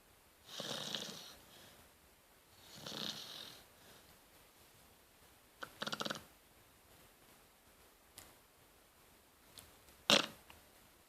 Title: Cute snoring Rottweiler puppy.